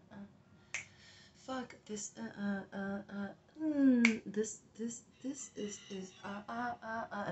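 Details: An adult woman recording her new tics during a tic attack makes repeated abrupt clicks, short voiced bursts and a sliding squeal-like cry: vocal tics.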